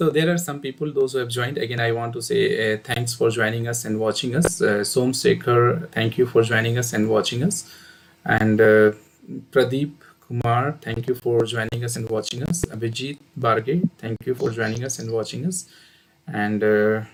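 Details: Adult male speaker; Normal speech.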